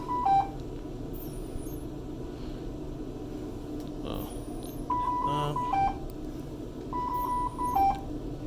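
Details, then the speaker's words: Ventilator in pressure control AC mode on a simulator, with breaths triggered and a simulated cough: repeating two-tone electronic alarm chimes over room noise, continuing after circuit disconnection; ventilator alarm. "i'm going to trigger some breaths now we'll say a cough you're gonna start getting some pretty crazy alarms"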